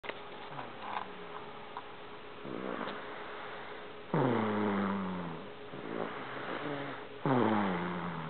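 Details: Irregular, squeaky nasal snoring with sniffles, about 19 a minute, from a sleeping baby in a quiet room: snoring.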